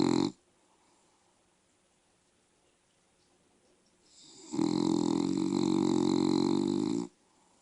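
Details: One long, loud, rattling snore on a breath in after a quiet stretch from a sleeping female bulldog, described as quiet and mild compared with her usual snoring; snoring.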